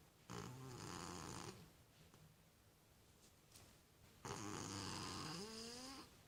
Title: My Cat Snoring in a Cardboard Box